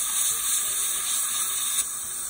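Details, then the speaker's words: Dental air syringe blowing a tooth (number 30) dry after pumicing and isolation with a cotton roll, before etching for a dental sealant: steady high-pitched hiss of compressed air. "um but this is just my the way i do it so i'm going to spray this off with air here real dry"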